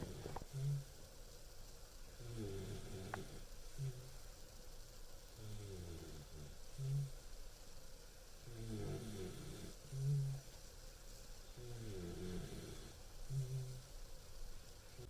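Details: Sleeping 14-week-old German Shepherd puppy snoring: soft, low rumbling snores about every three seconds, roughly 19 a minute.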